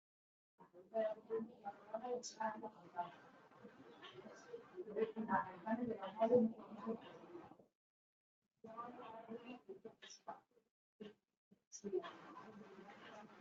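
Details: Laryngectomy patient after laryngeal cancer speaking with an electrolarynx placed under the chin: speech on a steady flat mechanical buzz, unchanging pitch, switching on and off between phrases; electrolarynx speech.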